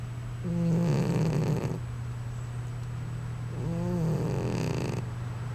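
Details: Snoring from a cat that owner says snores like this all the time.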